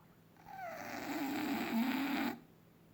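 One drawn-out, rough, whistling snore on a breath from a sleeping dog: ordinary snoring.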